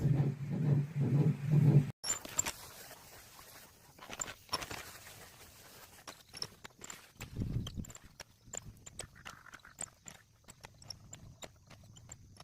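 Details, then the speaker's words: Recorded fetal heartbeat of a baby: brief rapid, rhythmic whooshing heartbeat, then quiet background noise with scattered clicks. "이 이 소리는 심장 소리입니다. 너 심장 소리야."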